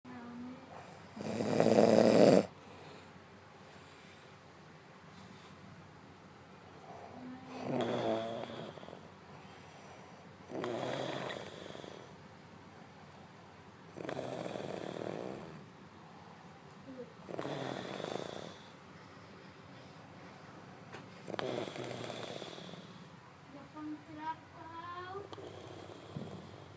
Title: Glemund snore 2